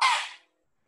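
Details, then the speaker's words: Female bat in the background gives a single sharp, hissy sneeze lasting under half a second, fading quickly. "Also, generally, sorry, the sneezing in the background is a bat. You can hear that."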